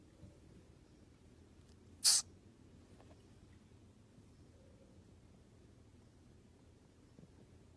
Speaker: if separated baby opossums will make a sneezing noise to signal their mother to me it sounds more like sniffles